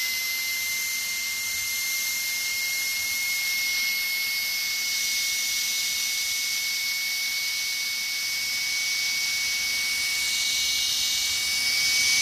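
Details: Steady high-pitched whine of a dental drill running continuously, from a sound-effect recording.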